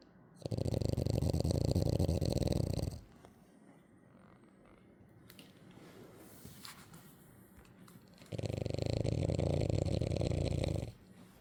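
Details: Sleeping French bulldog snoring: two long, loud, low rattling snores with a quiet breath between them, typical noisy sleep breathing of a flat-faced dog.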